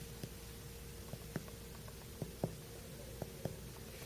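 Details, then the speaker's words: Finger percussion over the right abdomen to assess liver span during a physical assessment of a male patient, soft taps with the note turning duller over the liver; liver percussion dullness. "okay now I'm gonna um percuss your liver span"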